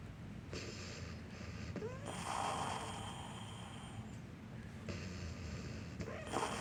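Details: Pet named Akodo wheezing with labored breathing in the morning; noisy, effortful breathing with snorting rasps and brief whistling tones.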